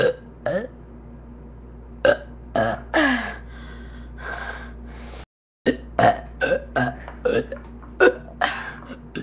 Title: long burping added